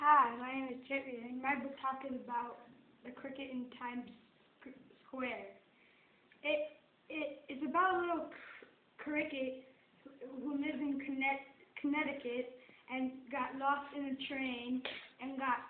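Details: Acted stuttering in a children's school skit, with word and part-word repetitions; stuttering (acted).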